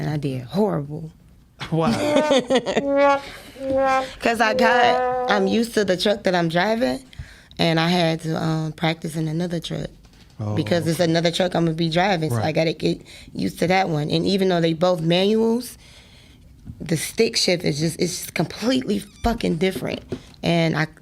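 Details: Adult speaker; Normal voice.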